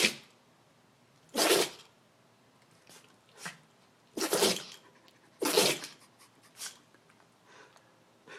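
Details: Dog with repeated sneezing, about four strong, quick sharp sneezes with smaller snorts between them; cause unknown to owner.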